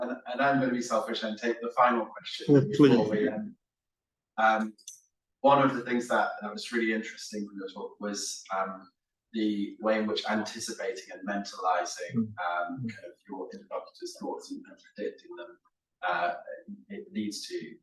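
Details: Adult man speaking; normal speech.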